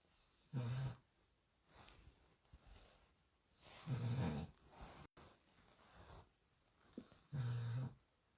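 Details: A sleeping female dog snores loudly: three deep rattling in-breaths, about 20 a minute, with softer breathing sounds between them.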